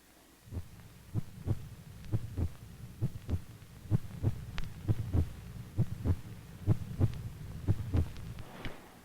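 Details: Regular low heart thumps through a stethoscope, about 66 a minute, with faint room hiss, as a healthy boy listens to his own heart during a routine pediatric check-up in a 1968 film; normal heart sounds.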